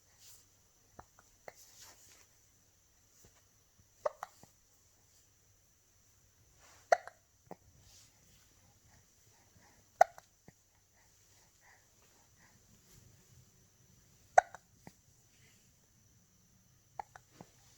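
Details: Recurrent hiccups, recorded 10/23/2020: brief sharp hiccup sounds, about 14 a minute, in a quiet room.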